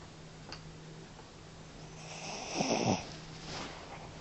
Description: My dog snoring in the night